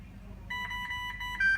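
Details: Short electronic beeps from the control panel of a Dräger Oxylog 2000 Plus portable ventilator as it is switched on and buttons pressed, ending in a louder tone, while it shows supply pressure low because it is not connected to oxygen.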